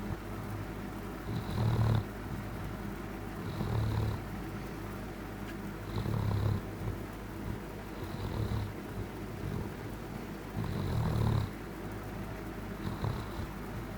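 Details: Rexy cuddling at night; soft, low rumbling snoring-purring noise about every two seconds over a steady background hum, made when happy; snoring.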